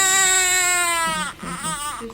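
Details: Loud, clear, high-pitched cry with a long wail then shorter bursts from a newborn girl right after vaginal delivery, around being placed on her first-time mother's chest: a vigorous normal newborn cry.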